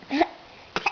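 A young child makes a brief rising vocal sound, then two short, sharp bursts after a pause, consistent with small coughs.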